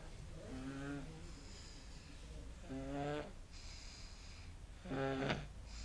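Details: Young child who fell asleep sitting in a baby walker, snoring loudly: rattly snores, three in about six seconds, roughly 28 breaths a minute.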